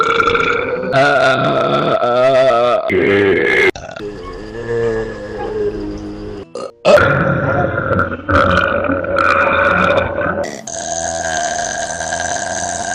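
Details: Repeated burping: long, loud, drawn-out belches, several in a row, with music in the background.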